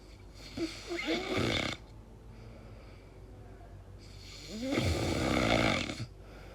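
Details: Sleeping person's very strange noises, queried as snoring or possible sleep apnea; snoring.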